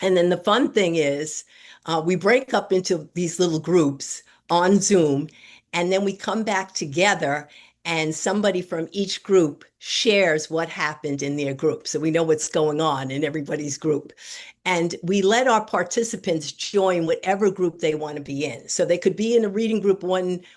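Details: Adult woman speaking; normal speech.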